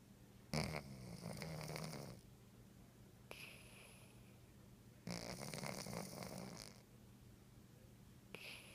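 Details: A sleeping cat snoring: rhythmic rough breaths, with longer buzzy inhales alternating with shorter exhales, over a steady low room hum.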